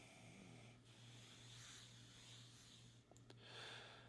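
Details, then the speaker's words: Airflow from a nasal pillow CPAP mask worn and running, with the tube up top, while simulating lying on a pillow: soft rushing air and breaths venting through the exhalation port; quiet, sealed with no leak hiss, exhalation direct but not overwhelming. "That exhalation is pretty direct right there, but it's not overwhelming. I'm hopeful that you could kind of hear that it is still really quiet, but you're gonna feel it a little ways out."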